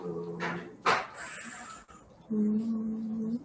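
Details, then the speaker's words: Expiratory wheeze: breath noise, then a prolonged, musical, whistling expiration, from bronchospasm narrowing the bronchi; asthmatic breath sounds. "so why is that when you get bronchospasm the bronchi is going into narrowing and it's like a whistling sound they have to get so that's why you hear this musical sound"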